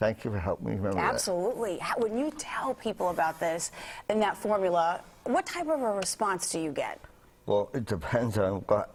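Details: Adult speakers in interview; normal speech.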